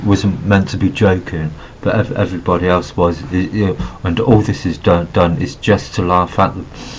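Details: Adult male with Asperger syndrome who reports having a stutter; stuttering.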